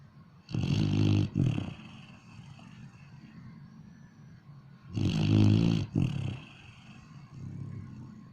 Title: Snoring Dog